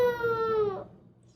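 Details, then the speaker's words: A single short infant cry that fades off from a 3-month-old girl who has been crying and fussy this past month, from hunger, tiredness or overstimulation. "she's been crying a lot for different reasons sometimes she's hungry she's gotta feed her other times she's tired and sometime you know she could be overstimulated"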